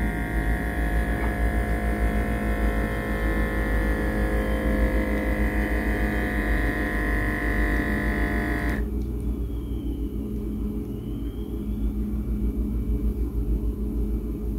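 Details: Blood pressure monitor inflating Steady buzzing pump whine that stops abruptly, then low room hum: an automatic wrist cuff inflating at the pulse site on a home user with recent dizziness, whose readings came out higher than usual.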